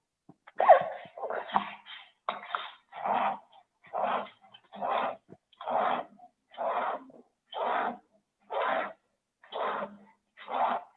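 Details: On chest auscultation in a pulmonology clinical exam, rapid, repeated breath sounds with a high whistling quality, described as a true wheeze: wheeze.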